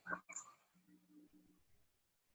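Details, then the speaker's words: A female dog snoring loudly, heard in the background of a live Zoom session; snoring. "further my dog snoring can you hear her she's really loud"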